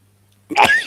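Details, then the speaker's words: After a faint low hum, one abrupt explosive burst ends in a high, squeaky voiced tail: a single sneeze that the sneezer says sounds like Mario. "For some reason, I sound like Mario. I don't know if you guys know, but for some reason, I sound like Mario when I sneeze."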